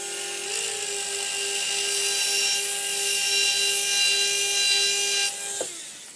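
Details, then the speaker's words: Steady high-pitched motor whine of a 1.2 mm surgical pilot drill running about five seconds, pumped in and out along the ridge in an upper maxillary arch, preparing osteotomies for Zest SATURNO narrow-diameter implants in a technique demonstration. "st step is we go ahead and take our 1.2 millimeter pilot drill with the proper angulation i'm going to angulate here following the ridge morphology and slowly pumping in and out allowing for nice proper implant position"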